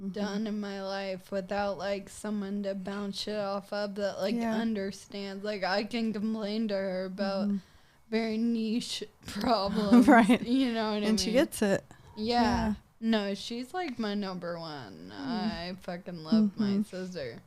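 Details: 26-year-old woman with Friedreich's ataxia, a progressive genetic nervous system disease diagnosed at 18, affecting her hands and walking, now using a wheelchair; ataxic dysarthria.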